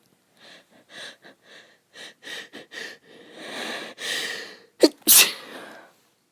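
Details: Female, nose itchy from going outside at this time of year: a run of soft, breathy sneezes and catches building into two sharper sneezes near the end; sneezing.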